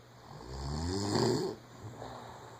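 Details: Loud, rough, rattling snore on one inhaled breath then quieter breathing, from a sleeping wife; ordinary snoring.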